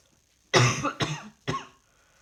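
Three harsh coughs in quick succession, the first longest, in a quiet room; a short coughing bout.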